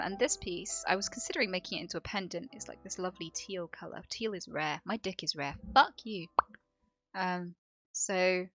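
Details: Tourette syndrome in a woman; Tourette syndrome vocal tics.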